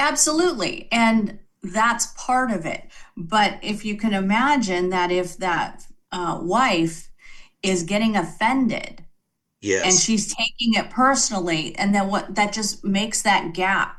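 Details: Adult woman speaking; normal speech.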